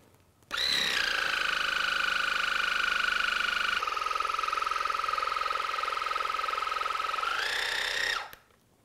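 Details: Loud, steady pulsing whine of a Waterpik water-jet irrigator with Bionix attachment running about seven seconds. Early left-ear wash with warm water and hydrogen peroxide for impacted cerumen blocking both ears.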